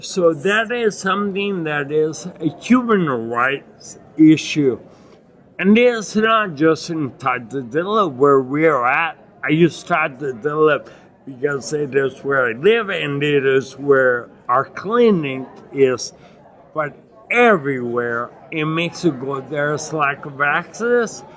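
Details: Adult man with non-progressive acquired ataxia and myoclonus (Lance-Adams syndrome) after severe brain damage from Legionnaires' pneumonia and a 12-day induced coma in 2011, reporting difficulty articulating and getting winded when speaking; ataxic dysarthria.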